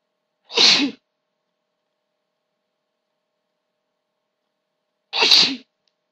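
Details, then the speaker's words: Female sneezing in a series after trying to stifle them: two sharp, hissing sneezes about four and a half seconds apart, with silence between. "Try to stop it. It was really hard."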